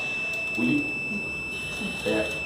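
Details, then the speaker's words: Steady high-pitched high-pressure alarm from an Inter 5 ventilator in volume mode during training, with the pressure limit set at 30 maximum and the delivered pressure much higher; the alarm persists on reset. "Então você vê, eu limitei a pressão em 30 no máximo e ele me deu alta pressão, tá vendo? Alarme de alta pressão."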